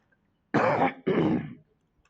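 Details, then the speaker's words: Adult male politician, reportedly under medication, with persistent coughing during a speech: two harsh, rough throat-clearing bursts like a short cough. He asks for water and stops to take care of himself. "Because of the spirit of my coughing, I think I will stop for now so I can take care of myself."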